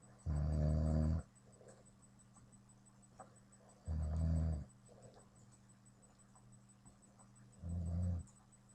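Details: Loud, deep, rumbling snores from an adult man on each in-breath, three in about nine seconds (roughly 20 breaths a minute), over a steady room hum.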